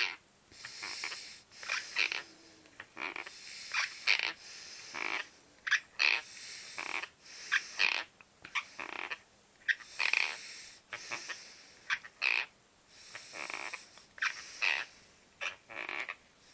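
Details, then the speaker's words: Sleep bruxism in an adult man: repeated harsh, gritty teeth-grinding bursts during sleep, likened to scraping a blackboard. He also talks in his sleep. "I think going to start jaring again in a minute he'll crunch his teeth get it in the most Blackboard type of way let's listen"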